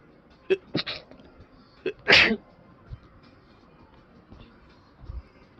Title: chhinkni sneezes :D